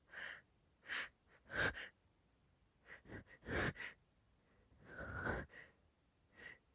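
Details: Male with hitchy, wet sneezes: several quick catching inhalations followed by sharp, forceful sneeze bursts, some with a wet quality; sneezing.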